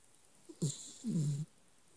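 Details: Woman asleep: a soft low snort followed by a longer low rumbling breath, a single snore: snoring.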